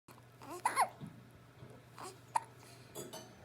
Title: Hiccup girl